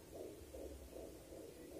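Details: Fast, regular whooshing pulses, about 150 a minute, a fetal heartbeat heard on a home fetal Doppler over the pregnant mother's abdomen with gel, played through the device's speaker.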